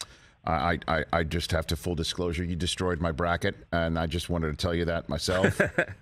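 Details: Adult male speaker; normal conversational speech.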